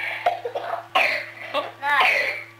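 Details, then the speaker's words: Children doing asthma physiotherapy (airway clearance) in an early film, told to pick up basins, cough and spit after huffing games: a few loose, wet coughs and throat clearing bringing up mucus; productive cough. "pick up your basins and have a big cough and a spit now spit it"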